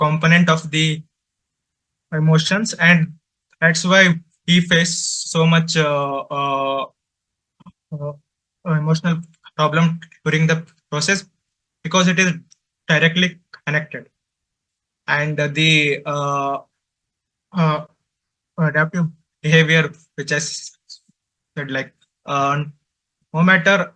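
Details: Man who stutters, presenting for a stammering association at a stuttering conference; he reports difficulty speaking, especially with different people; real stuttering.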